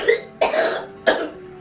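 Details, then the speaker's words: Three short, harsh cough bursts in quick succession with a congested, rattling quality from an adult woman with cystic fibrosis, a progressive lung disease, on a rough morning before blood work. "Normally, we would wait to get out the door, be in the car... have her lungs a little more settled"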